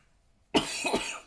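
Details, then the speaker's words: An adult woman who says she is still coughing gives a sudden harsh cough, then two quick weaker bursts, in a brief coughing fit after a moment of quiet. "Excuse me, I'm still coughing, I do apologise. As you can hear."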